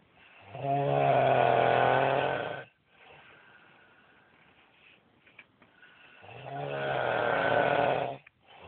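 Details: Two long, loud, rattling snores with a quieter breath between them from a sleeping adult man; heavy snoring.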